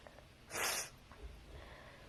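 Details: Another sneeze: one short explosive burst of air through the nose and mouth, with faint room noise around it.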